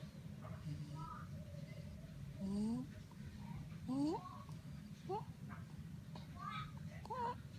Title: stridor